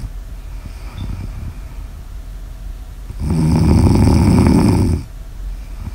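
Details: Snoring ASMR audio recording: one loud, fluttering, rattly snore lasting nearly two seconds over quiet room noise.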